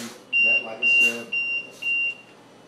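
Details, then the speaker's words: Liberty home ventilator high-pressure alarm: four loud shrill repeated beeps over a faint voice, before silencing shows it was high pressure. "okay see I hit the alarm I mean the silence button now I'm going to hit this and it tells me it was high pressure"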